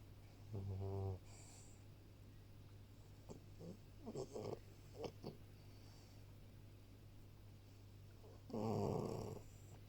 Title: snoring in my office